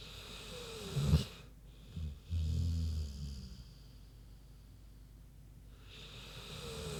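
Deep, low rumbling snore with a snort from a sleeping pig, then quiet breathing and faint room noise.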